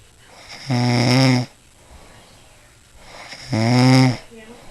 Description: My dad decided to record my mom snoring. she always says she dont snore.